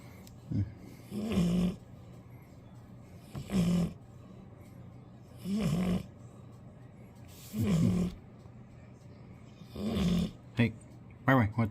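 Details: Old Golden Retriever dog sleeping, tired after a long walk: regular low rumbling snores, about five in ten seconds, over faint room noise; snoring.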